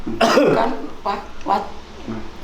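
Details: A person who coughs often and walks hunched over like an elderly person: one harsh cough burst followed by a few shorter, weaker coughs or throat clears, with faint room noise.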